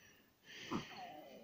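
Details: Chihuahua with snoring that barely breathes, being treated with drops of sea buckthorn oil: a single brief, noisy nasal breath with a faint whistling tone in a quiet room; wheezy, obstructed upper airway.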